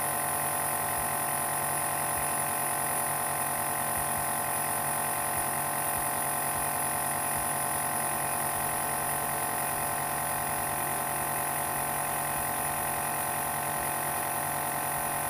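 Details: Omron nebulizer used at home by an adult with asthma: steady mechanical hum with rapid regular pulsing throughout, the compressor running during a treatment.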